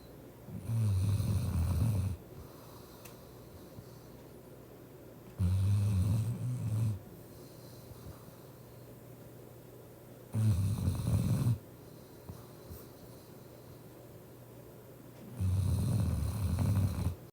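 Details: Female German shepherd asleep: loud, low rumbling snores about 4 in 17 seconds, roughly 13 per minute, quiet gaps between.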